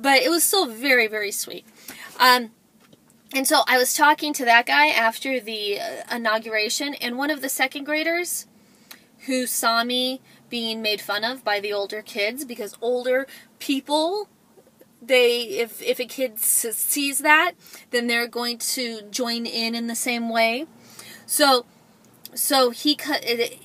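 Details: Adult woman who describes herself as a stutterer; word repetitions; stuttering.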